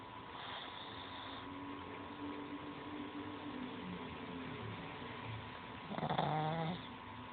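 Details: Pug dog snoring while asleep: quiet rhythmic snuffling breaths over low room hum, with a brief squeaky whimper near the end.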